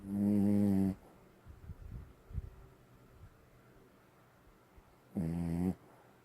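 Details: Two deep, buzzing snores several seconds apart, with soft snuffles between them; snoring.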